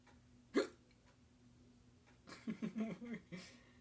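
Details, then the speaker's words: Person with persistent hiccups they cannot stop: a sharp hiccup, then a burst of short hiccup-like catches and groans in a quiet room. "Oh, God. I can't stop. I can't stop the hiccups, man."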